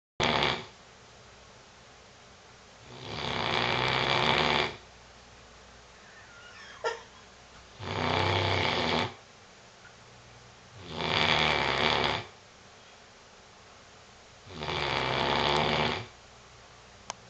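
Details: English Mastiff asleep on his new bed, who snores like this all the time: four loud, rough snoring breaths separated by quiet pauses, about 16 a minute, in a quiet room.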